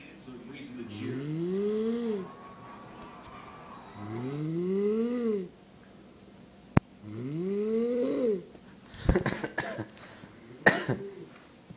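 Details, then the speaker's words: Mother falling asleep at 8:09 at night, recorded from upstairs: three loud rising-and-falling snores on breaths in, about 20 a minute, then a few rustling noises; ordinary snoring. "8:09 at night, and my mom is falling asleep, and I can hear her snoring from downstairs, so I'm gonna go upstairs and see if I can get any of her snoring."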